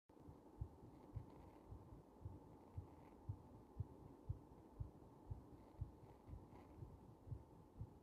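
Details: Heart under compression, somewhat slow: regular, soft low thumps at about 115 beats a minute over a steady low hum, heartbeat heard through the chest wall.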